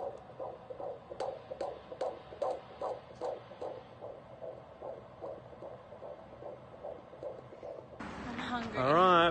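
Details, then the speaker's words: Rapid, regular whooshing fetal heartbeat on Doppler, about 150 beats per minute, heard during pregnancy. "we just finished you guys got to see little heartbeat and a few to hear it you got to hear it"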